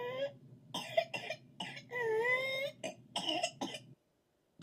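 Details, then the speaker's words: Whooping cough (pertussis) in a baby: repeated bursts of coughing with a drawn-out, high-pitched crowing whoop between them. "If you've ever heard a baby with ptasus, you wouldn't quickly forget the sound of the whooping"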